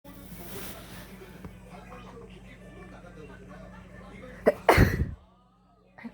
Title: 재채기 소리에 활짝 웃는 강아지